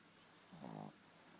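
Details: Snoring while asleep: a single short, buzzy, nasal snore lasting under half a second in a quiet room.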